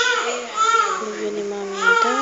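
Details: Short run of high, wavering crying and whimpering from a baby being put to bed in a small room: ordinary infant cry.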